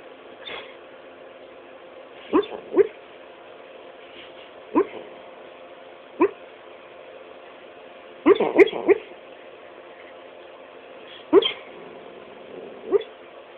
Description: Terra (black Labrador) making noises in sleep